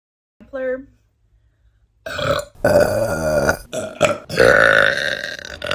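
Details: Burping compilation: a short voiced burp, then a longer drawn-out belch with a rough, croaking quality; ordinary burping.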